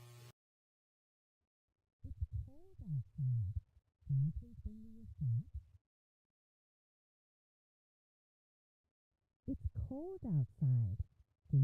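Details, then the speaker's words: Simulated speech as heard by a child with severe to profound sensorineural hearing loss: muffled, indistinct sentence with only low tones left, for demonstration only. "the first sentence is an example of how speech may sound for a child with severe to profound sensory neural hearing loss"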